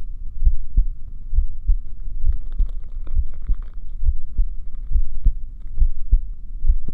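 Deep, regular thumping heartbeat at about 66 beats a minute over a low hum.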